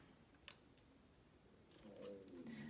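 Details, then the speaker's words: Adult's stomach growling from not having eaten yet: a faint, wavering low rumble in a quiet room; borborygmi. "sorry if you can hear my stomach growling I didn't eat anything yet"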